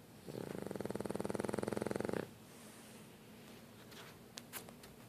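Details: Snoring: a single fluttering, buzzy snore lasting about two seconds, followed by a quiet room with a few faint clicks.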